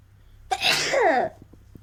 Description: Nose blowing and sneezing challenge.